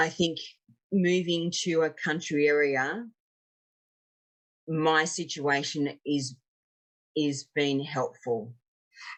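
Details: 56-year-old woman, a real stroke survivor, with aphasia after an ischaemic stroke 10 years earlier and a later TIA; aphasia.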